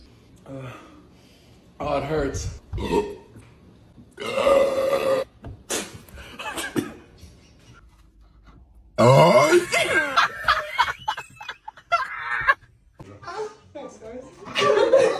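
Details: Burping during a Sprite burp challenge: several loud, rough, drawn-out belches with short talk and laughter between them.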